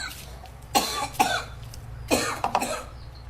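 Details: Staged, acted cough: about five short, sharp coughs in two quick runs, with faint room noise behind.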